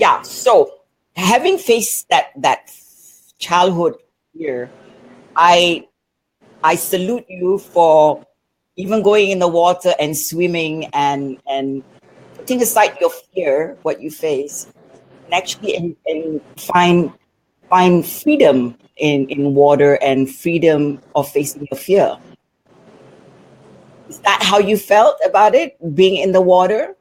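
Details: Adult woman speaking; typical speech.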